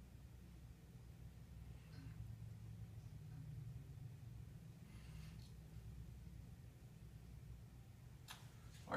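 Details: Quiet low rumble with a few faint, brief gurgles heard over the abdomen of a person reported hungry, bowel sounds present in all four quadrants: normal bowel sounds.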